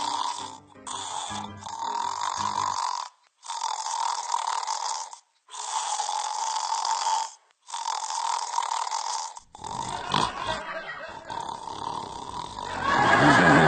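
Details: Rhythmic rasping snores with short silent gaps, over background music; snoring.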